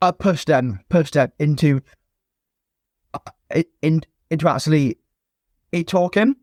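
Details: Stuttering (stammering) in an adult male former soldier, now a personal trainer, who has stammered since childhood.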